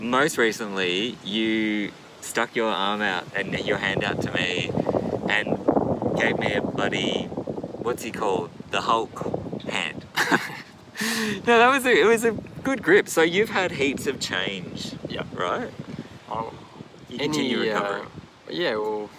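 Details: Adult male speaker; ordinary speech.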